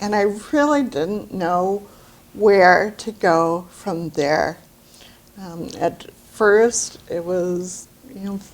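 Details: Adult woman with aphasia after a brain bleed; when she can't get words out she still uses her voice to communicate; aphasia.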